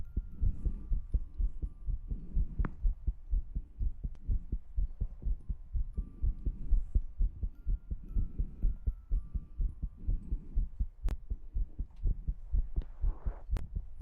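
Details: ASMR recording with tongue clicking and ear-cleaning sounds: quick, fairly regular low heartbeat thumps about 125 a minute, faint hum and scattered sharp clicks; fast heartbeat.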